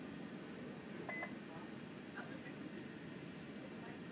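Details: A short electronic beep over room noise and faint talk from a GE Solar 8000i patient monitor in service mode, sounding as the display is turned off after the time is set; patient monitor beep.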